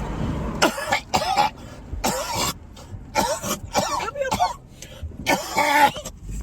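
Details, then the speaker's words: About six harsh, forceful deliberate coughs in quick succession by a man inside a car, put-on coughing as a prank on his wife rather than illness. "Why would you sit up there and cough like that all everywhere? Put your germs all up in there."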